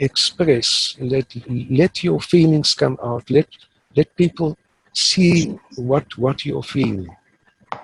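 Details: Stuttering in an adult man who has stuttered since about age 3 or 4 and now uses the passive airflow technique; he reports being fairly fluent, so stuttering here may be mild or not heard.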